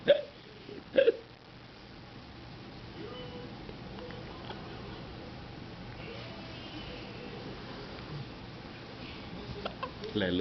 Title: baby hiccups